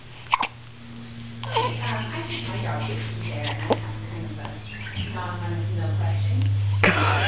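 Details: Hiccups in young child while being held: a few short, sharp hiccup sounds with an adult talking and a steady background hum.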